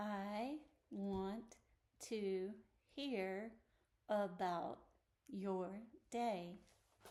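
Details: 62-year-old woman with moderate Broca's aphasia (WAB-R AQ 46.8) after a large left-hemisphere ischemic stroke likely caused by new atrial fibrillation; initially global aphasia, since improved. Expression is effortful and agrammatic, comprehension relatively preserved. Says greeting script independently during script training.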